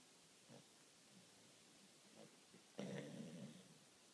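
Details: Loud snoring from Koji, a sleeping Japanese Shiba Inu: soft, low snorting breaths, then a louder muffled snort, with Kiki, another Shiba lying next to him, sleep barking.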